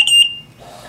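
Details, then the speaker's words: Trilogy 100 ventilator switched on with the power button and connected to a test lung for demonstration: a short, high electronic beep, the alarm self-check at power-up before ventilation begins. "it's going to power up it's going to go through a quick little self check of the alarm and then it's going to start ventilating your patient"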